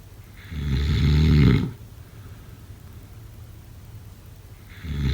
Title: #snoring #sleepnoises #snoringasmr #snoringsleepingsoundeffect